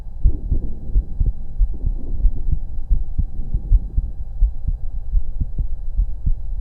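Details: Auscultation of own heart through a stethoscope during breath-holds: regular low lub-dub heartbeats; normal heart sounds.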